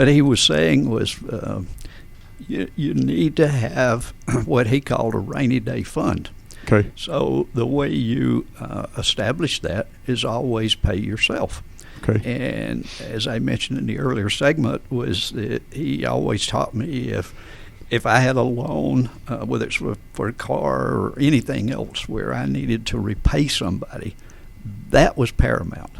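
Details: Adult man with adductor-type spasmodic dysphonia, in which the vocal folds spasm and slam together; voice problems began around 1999–2000; treated with botulinum toxin injections.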